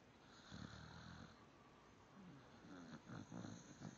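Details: Dog snoring while asleep: low rattling snores, two or three short ones, against steady room noise.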